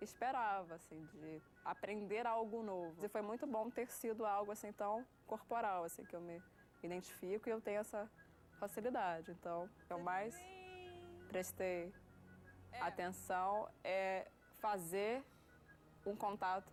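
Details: Stuttering since childhood in a 30-year-old woman; had speech therapy as a child and became more fluent, then relapsed after discharge; unable to say a sentence at about age 9; blocks on certain words.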